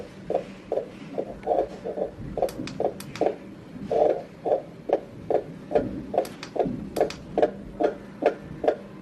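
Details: Fetal heartbeat on an FD280W fetal Doppler ultrasound heart rate monitor: rapid, regular whooshing pulses at about 140 beats per minute.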